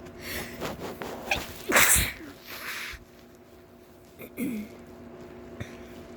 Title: sneezing again